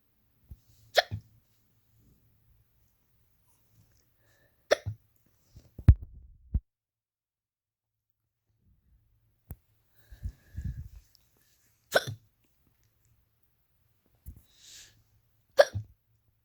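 Sharp, abrupt hiccups recur every few seconds in a quiet room, about six across the stretch.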